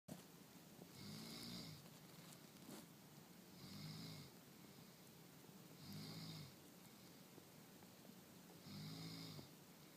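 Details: Corgi dog sleeping, steady low rumbling snores on each breath, about 24 a minute, over faint room hiss; snoring.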